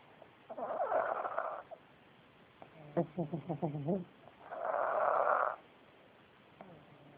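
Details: Sleeping pugs on a bitterly cold day after a December 2010 Minneapolis blizzard: loud rasping snores with a rattling, buzzing snort between breaths.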